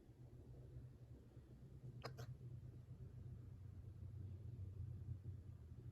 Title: Dog hiccups